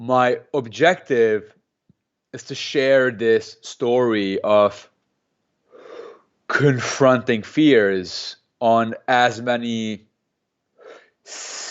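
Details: Stuttering in an adult man who has stuttered since age 2–3, speaking in a real interview; he uses a McGuire programme breathing technique to control his stutter.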